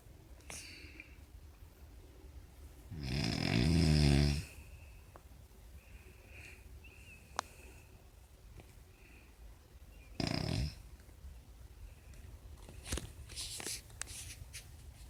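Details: Snoring: two loud, rough, rattling snores about six seconds apart, with quiet breathing and faint room noise between them.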